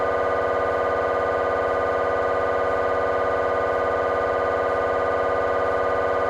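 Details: MRI scanner noise from a GE 3T scanner, temporal bone (Felsenbein) protocol, during a T1-weighted fast spin echo sequence: loud, steady, rapid buzzing drone with fast regular pulse, about 200 per minute.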